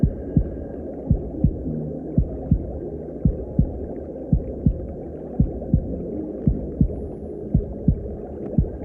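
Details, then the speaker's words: Maternal heartbeat as heard from inside the womb by the unborn child: muffled, steady paired heart thumps at about 56 a minute over a constant low whooshing rumble. "And I'm going to play the sounds of a mother's heartbeat and what it sounds like in the womb to her unborn child."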